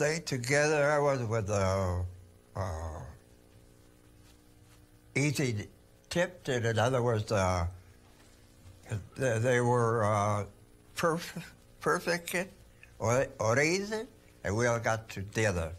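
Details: Male hospital patient with fluent Wernicke's aphasia from a lesion leaving about 70% of Wernicke's area non-functional, with Broca's area working and comprehension impaired; verbose speech with paraphasic errors.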